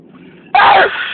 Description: Today I had a very intense and loud sneezing fit...enjoy